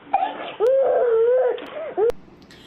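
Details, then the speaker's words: A child crying with long drawn-out wails and pauses between them during a breath-holding spell, an involuntary response to pain or upset. "കുട്ടികൾ ഇതുപോലെ ശ്വാസം പിടിച്ചു വെച്ച് കരയുന്ന നമ്മൾ പലപ്പോഴും കണ്ടിട്ടില്ലേ ഇതിനെയാണ് ബ്രത്ത് ഹോൾഡിങ് സ്പെൽ എന്ന് പറയുന്നത്"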